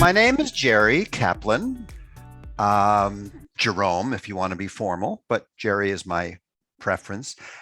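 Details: Adult man speaking; typical speech.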